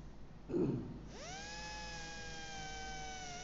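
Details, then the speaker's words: Low-speed dental drill with cylindrical bur 1092 bevelling the cavosurface angle of a cavity preparation; short thud, then steady high whine as it spins up and runs. "Agora, para fazer o bisel, em baixa rotação, posso usar a mesma broca que eu usei, ou a 245 ou a 1151. Aqui eu vou usar uma broca cilíndrica número 1092."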